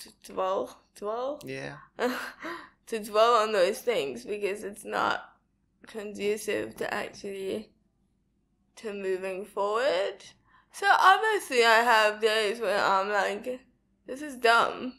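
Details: Dysarthria in a young woman with cerebral palsy diagnosed at 11 months old; she says her speech is not very clear.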